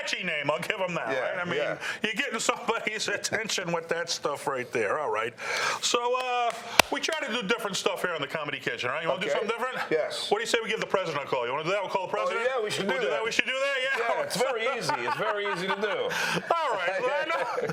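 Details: Adult men in conversation; normal speech.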